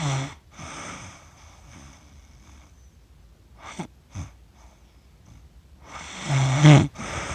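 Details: Adult accidentally recorded while asleep for 47 minutes after filming cats, self-described as snoring funny: rough snoring breaths with snorting catches and quiet gaps, ending in a louder rattling snore.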